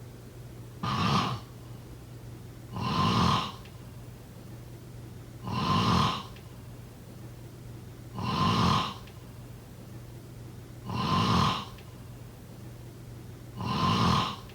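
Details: Regular rasping snores about 22 a minute, each followed by quiet, over a low steady hum; snoring.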